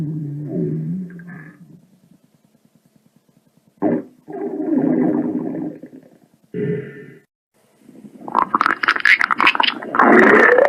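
Gurgling, bubbling rumbles in bursts with pauses, ending in a louder churning stretch: stomach and bowel rumbling from sound-effect recordings.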